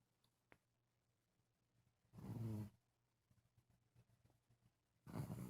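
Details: Two low, rough snores about three seconds apart with soft rustling between, in a quiet room, from a habitually loud snorer; snoring.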